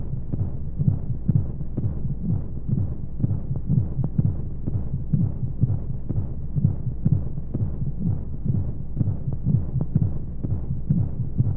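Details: Womb sound played as a baby sleep aid with white noise: muffled, fast heartbeat around 125 beats a minute with a steady whooshing hum of flowing sound beneath, as heard from inside the womb.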